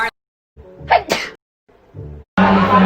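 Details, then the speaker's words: A woman sneezes after trying a charcoal mud product and later says she will take her allergy medicine; a quick inhaled build-up, a sharp explosive sneeze, then a brief noisy exhale; a single ordinary sneeze. "this is the charcoal mud room it made me sneeze is that a good sign or a bad thing"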